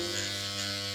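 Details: Electric microneedling pen (Dr. Pen M8S, 42-needle cartridge, 0.3 mm depth) running with a steady high-pitched buzz during a first-time at-home facial self-treatment in a small room; microneedling pen running.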